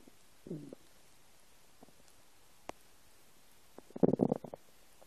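Brief gurgles and a longer bubbling rumble from an empty stomach in a quiet room; ordinary bowel sounds.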